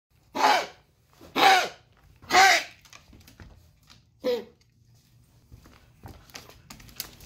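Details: Cough.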